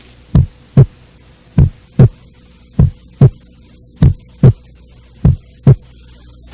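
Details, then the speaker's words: Teaching recording of a slow, regular heartbeat, about 49 beats a minute, with clear lub-dub: normal S1 and S2. S1 is mitral and tricuspid closure, longer and lower than S2, best heard at the central focus (5th intercostal space, midclavicular line). "bulha corresponde ao fechamento das válvulas mitral e tricúspide sendo que o melhor ponto de ausculta é o foco central seu som é mais prolongado e mais grave do que o da segunda bolha"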